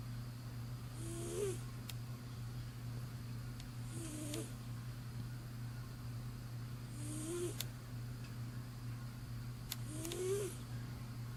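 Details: Soft, regular snores with a faint whistling squeak on each breath, about 21 a minute, over a steady low hum; a sleeping pet snoring.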